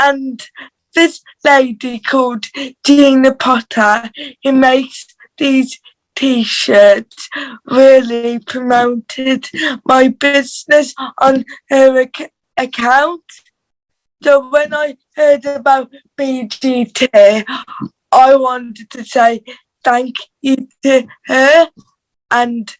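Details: Dysarthria due to cerebral palsy in a teenage girl from England's Black Country, who reports her cerebral palsy voice is harder to understand and that she needs time to get words out.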